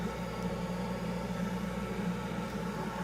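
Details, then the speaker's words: Dental lab bench lathe with aluminum oxide wheel on a quick chuck, used for bulk trimming a Hawley orthodontic appliance: steady low motor hum and rumble, no clear grinding contact. "so I have a wheela here it's a wheel saw I don't it's a lathe let me show you set up hold on there a lathe"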